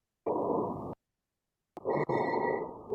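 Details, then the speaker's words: Teaching clip of abnormal lung sounds: multiple high-pitched musical tones heard together, mainly on expiration but possibly on inspiration; high-pitched polyphonic wheeze. "The sound is like a high-pitched musical instrument with more than one type of sound quality, that is polyphonic."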